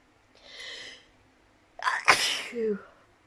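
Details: A sharp breath in, then a loud explosive sneeze ending in a voiced "choo"; from a sneezing compilation.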